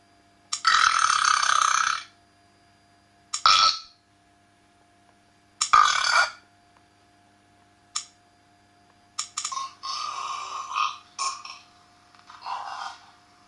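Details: Realistic burping sound effect from a soundboard app, not a real patient: a series of loud burps of varied length, some long and drawn out, others short; burping.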